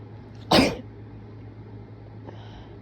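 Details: Sneeze while sick, which the person thinks sounds different from usual: a single sudden explosive burst of air, then quiet room noise.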